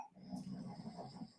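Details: Woman snoring in the background during a live video call.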